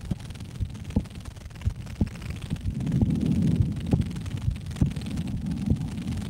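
Regular soft heart thumps through a stethoscope with some rustling and handling noise; a normal resting heartbeat.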